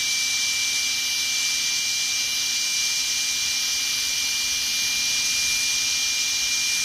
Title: Dentist Drill Sound Effect